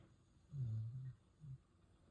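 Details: Sleeping dog snoring: a soft, low, rumbling snore followed by a shorter second one.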